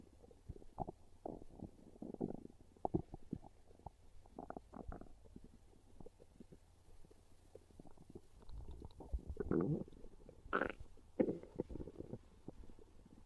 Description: My tummy really wants pizza, and it just can't stay quiet! 😂 Listen to these real hungry stomach growls as my belly lets everyone know it's craving a delicious slice of pizza.